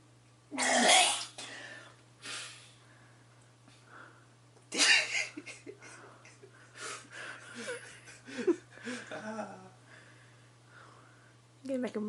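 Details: Adult man sneezing messily into his hands, expelling egg-white-like mucus: two loud wet sneezes a few seconds apart, each followed by sniffing and nasal breaths, then a short third burst.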